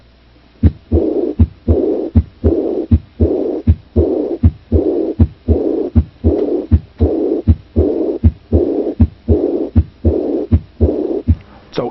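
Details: Aortic regurgitation murmur (diastolic decrescendo).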